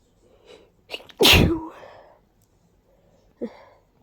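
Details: Congested sneezing fit from allergies, starting after a deep tickle in the nose: a wet nasal inhale, one loud explosive sneeze, then a soft sniff.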